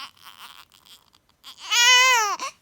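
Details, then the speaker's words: 7-week-old baby boy hungry and asking for milk, being soothed: soft fussing noises followed by one strong, drawn-out, high-pitched infant wail. "哎，不哭啊，不哭啊。"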